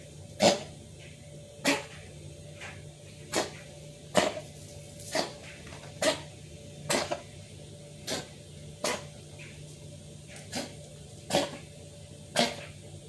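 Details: Kitten coughing: about a dozen short, sharp, dry coughs in a repeating series over a low room hum.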